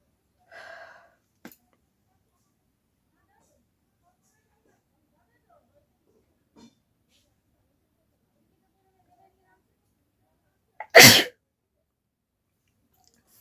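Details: Sneezing challenge without a hanky, sneeze induced with a folded paper: a short breath catch, then one loud sharp sneeze in a quiet room after brief soft sounds earlier.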